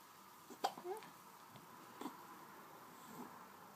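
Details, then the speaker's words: 6-day-old baby with hiccups: two or three short, abrupt catching sounds in a quiet room with soft vocal noises. "we go here cups again pick up oh dear oh dear oh dear oh he's go ahead cups poor baby"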